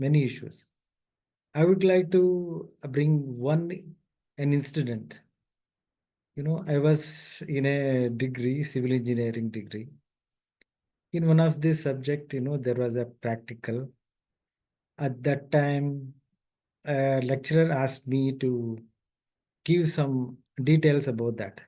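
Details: Adult male who stammers, describing his own stammer as quite severe: stuttering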